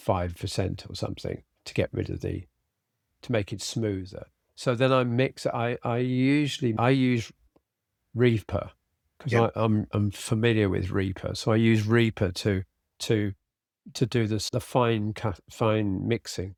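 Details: Adult man with aphasia after a sudden stroke, treated with speech and language therapy and flashcard vocabulary work; cannot read scripts and stumbles through them, and tires later in the day; aphasia.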